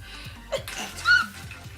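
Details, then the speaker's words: A woman talking indoors gives one short, sharp sneeze mid-sentence with a quick in-breath and forceful burst, then blesses herself ("Woo! Bless me!"); she sneezes repeatedly throughout her talk. Sneezing. "Sometimes--bless me!--putting a time on it is it's not a pressure to write a certain...I have to sneeze. *sneezes* Woo! Bless me!"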